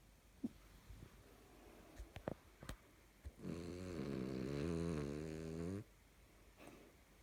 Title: Snoring Dog